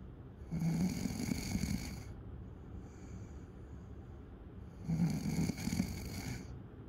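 Two loud, rattling snores on breathing in, a few seconds apart, over steady room noise; typical snoring.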